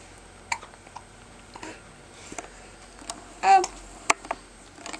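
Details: Infant girl sitting in an adult's lap, her body jerking with each spasm: brief, abrupt little catches of breath at irregular intervals with one short vocal squeak against quiet room noise; infant hiccups.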